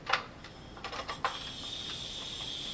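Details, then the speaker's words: A few regulator clicks, then a steady high hiss of oxygen from a portable compressed gas cylinder with regulator set to 25 liters a minute at the fast gas port, for manual resuscitator ventilation; oxygen cylinder gas flow. "right now I've got this set to 25 liters a minute the gas is coming out of 25 liters a minute fast gas port we can use this for hook up to a manual resuscitator and manually ventilate the patient with oxygen"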